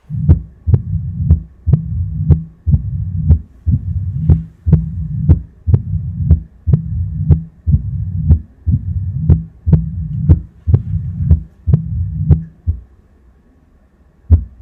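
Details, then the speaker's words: Simulator heart sounds at about 60 a minute: mitral stenosis with tricuspid valve regurgitation, with a loud snapping first sound at the apex and continuous low rumbling murmurs between beats. "здесь ист и нос левого отремонтрикулярного отверстия митральный стеноз и недостаточность трехстворчатого клапана"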